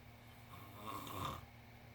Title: This Must Be Oreo The Cat Snoring